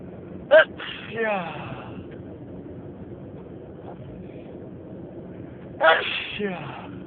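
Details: Two sharp sneezes, each followed by a brief voiced trailing sound, over steady car noise, part of a long sneezing fit while driving.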